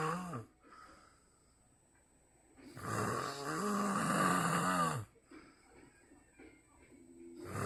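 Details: Loud, rough, rattling snore on a long breath with quieter breathing between, compared to a grizzly bear; the recording is said to be of a snoring duck: snoring.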